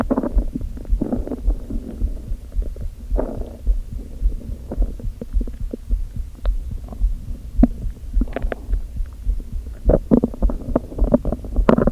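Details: Stomach growling (borborygmi) from the empty stomach of a person who had not eaten all day, only coffee, with hunger pangs and a slight headache.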